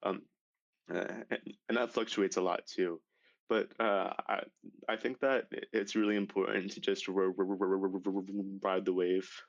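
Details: High school senior male with real developmental stuttering that began severely at age 10, after six years of speech therapy; stuttering.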